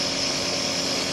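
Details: Compressor nebuliser running with steady mechanical hum and hiss, demonstrated for nebulisation of breathless patients with cough or pneumonia.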